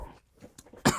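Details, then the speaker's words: Person with Tourette syndrome describing a nervous cough tic: after a near-silent pause, a single abrupt, harsh cough bursts out; vocal cough tic. "so it's almost gone a few more days will be gone so i have that i have the nervous cough"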